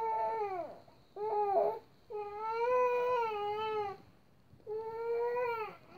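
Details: Baby girl awake crying at 5am after falling asleep around 2am: rhythmic wailing cries in four bursts separated by short breaths, clear and strong in a quiet room; ordinary infant crying.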